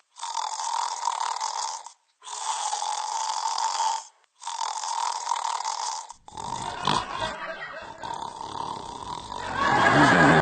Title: Snoring bad habbit